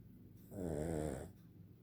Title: Dog snoring